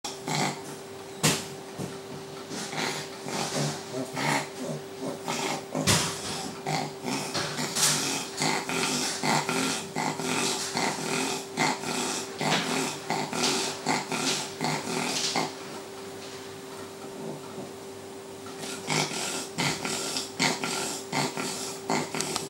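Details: 12-year-old slightly obese female Yorkshire terrier with chronic heart failure managed for 9 months, persistent stridor: harsh, noisy, rasping breathing throughout from primary tracheal collapse.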